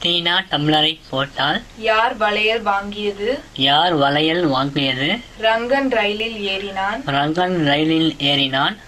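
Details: Hypernasality, exclusive or predominant, due to velopharyngeal dysfunction, heard in sentences repeated in Tamil.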